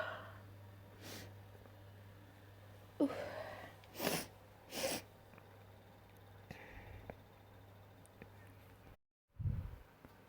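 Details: Wet sneezes: several short, wet sneezes with sniffs in between, over a steady low room hum.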